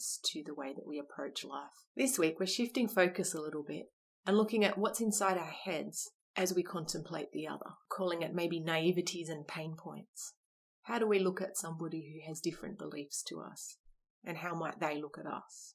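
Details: Adult speaker; Normal speech.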